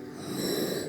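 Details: Stridor in a 29-year-old woman whose trachea never grew and stayed child-sized, needing pediatric tubes; she has a tracheostoma and oxygen cannula.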